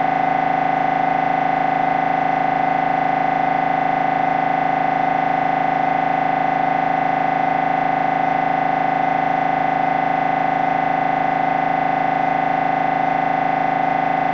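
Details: Loud, steady, rapid buzzing drone from an MRI scanner during a brain scan; a downloaded sample recording of normal scanner noise.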